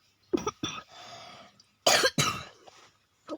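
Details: Cough in a sick child recording a game review: two pairs of short, harsh coughs with a quiet breathy stretch between them; the child apologizes for coughing repeatedly because of being ill.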